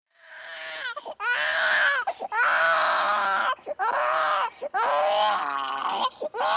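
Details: Unhappy infant crying and fussing in repeated loud wails with brief catching breaths between them.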